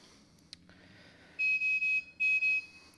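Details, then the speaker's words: Revel ventilator in a non-invasive positive pressure ventilation (BiPAP) mode demonstration, spontaneous backup rate set at 12, no real patient: five loud, high-pitched electronic beeps in two groups as ventilation starts: ventilator alarm. "Okay. We're going to turn our alarms off. Just for the demonstration purposes, I'm going to use this yellow button at the bottom and clear those alarms off so we actually see what's going on."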